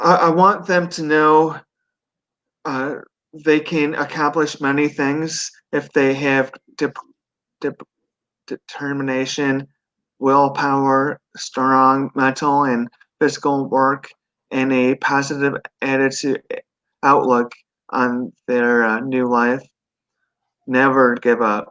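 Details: 42-year-old man who had a stroke at 17 from an artery branch rupture during surgery for a benign brain tumor, followed by induced coma, global aphasia and right-sided paralysis; he relearned speech and has residual post-stroke aphasia with word-finding difficulty.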